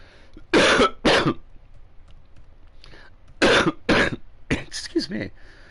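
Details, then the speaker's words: Four sharp dry-sounding coughs in two pairs, then a brief voiced throat-clearing, in a quiet room; ordinary cough from an adult streamer during a live stream. "oh I hate this cough"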